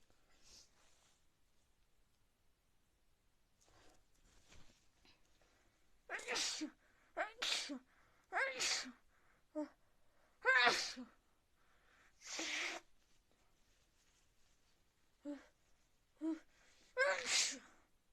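A run of about nine sharp, explosive sneezes at irregular intervals in a quiet room; repeated sneezing.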